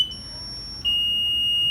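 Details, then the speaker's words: Zoll defibrillator during a training demonstration after pressing charge: steady high-pitched electronic tone, brief change, then continuous ready tone signalling the set energy is reached, shock button flashing. "To charge the defib, you press charge. To deliver the shock, it is this button here that will flash when the charge is at the right joulage."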